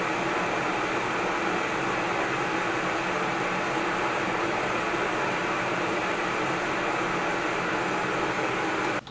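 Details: Running noise of an auto CPAP machine with humidifier and hose attached and no mask: a steady whooshing hum of air through the hose, no breathing or mask sounds; machines averaged 50–68 dB.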